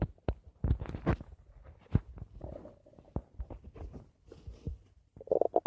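Low gurgles, pops and bubbling rumbles come in irregular bursts; ordinary stomach rumbling from gas and fluid moving through the gut.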